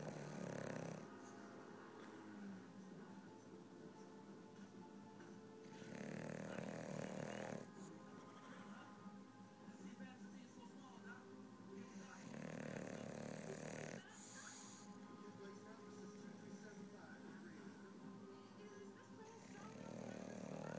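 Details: English Bulldog snoozing: loud, rattling snores about ten a minute over quiet background music, snoring heavily enough that the owner wonders if it needs a sleep apnea mask.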